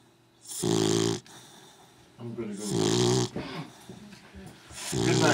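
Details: Loud rattling snores with a low buzzing tone from a dog, three breaths heard with some snorting between them; snoring.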